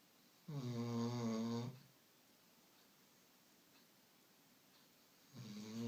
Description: This is a funny video of my dog coco snoring (put it in hight volume)